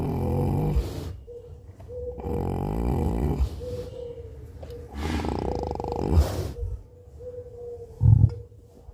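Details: Deep, loud, rumbling snores in long drawn-out breaths over a steady background hum; a cow snoring.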